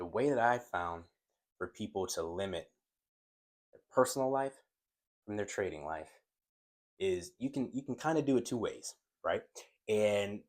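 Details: Adult male who stutters and says his stuttering increases when he is excited about a topic; stuttering with an audible word repetition.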